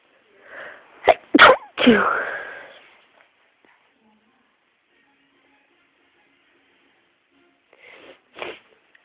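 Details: Sneeze induced with the humming trick, not stifled: quick sharp inhalations, then one loud explosive sneeze, then quiet and a couple of soft sniffs.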